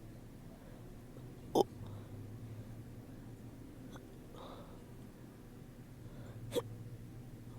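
Two sharp, abrupt hiccups about five seconds apart, with quiet breathing between them.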